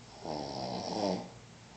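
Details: Single rattling, buzzing snore lasting about one second over quiet background hiss; ordinary snoring.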